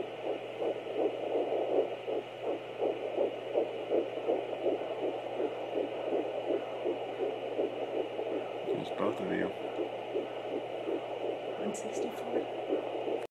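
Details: Fetal heartbeat at 10 weeks 3 days of pregnancy: rapid, regular whooshing pulses at about 164 beats per minute, a normal rate.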